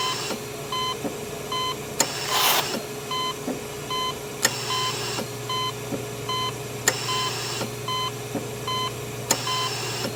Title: Hospital Life Support Machine Sound Effects - High Quality